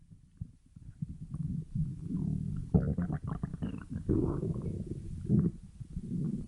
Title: stomach growling during a Saturday Night Live performance